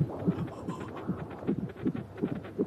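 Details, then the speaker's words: Rhythmic, fairly quick whooshing thumps of a fetal heartbeat on a monitor in a dubbed TV drama scene, parents listening; fetal heartbeat, fictional. "Escucha el maravilloso sonido que sale del corazón de nuestro pequeño. Es que... me emociona."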